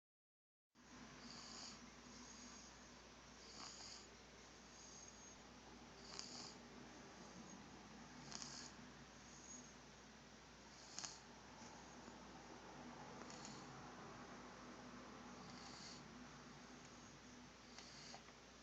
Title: The only man whose snoring I adore